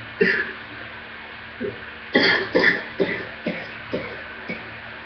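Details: About seven coughs, two heavy bursts then shorter weaker ones, in a severe deep chest coughing attack that shook the whole body and took the breath away, needing an inhaler and breathing treatment; poor-quality laptop recording; deep chest cough.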